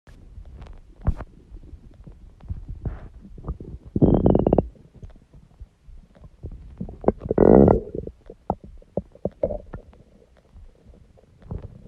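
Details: Loud stomach growling (borborygmi): irregular bursts of gurgling and rumbling bowel sounds.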